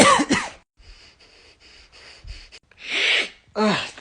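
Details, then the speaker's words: An adult imitates, for comedy, the reverse sneeze of a flat-faced small dog, with loud, harsh, snorting inward gasps between quiet pauses: reverse sneeze, human imitation. "when there is an irritation in their pallet and or throat that causes an influx in air immediately. It is literally a reverse sneeze."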